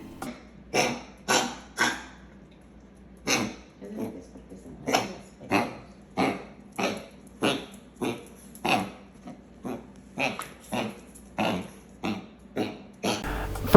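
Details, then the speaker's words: Small 8-pound dog, about 10 years old, coughing and gagging four or five times a day: repeated harsh paroxysmal coughs in runs ending in productive-sounding retching gags, as if bringing up a hairball. "there's this coughing four or five times and almost this productive gag it's almost like he's trying to wreck something up if a dog were to have a hairball that's almost what you'd expect to see"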